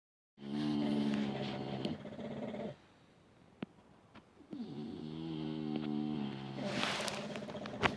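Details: Two long, buzzing, groaning snores separated by a quiet pause, with a few clicks, from two sleeping dogs, Buddy and Lola.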